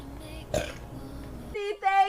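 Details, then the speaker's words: Girl burping: a brief throaty burst, then a short voiced, croaky belch at the end against quiet room noise. "they just like keep growing forever and ever like that was a huge burp okay John I appreciate perfect"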